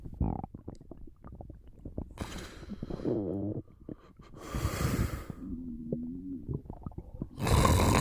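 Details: Stomach rumbling during a short nap: irregular gurgles and warbling, squeaky rumbles with breath and snoring noise between.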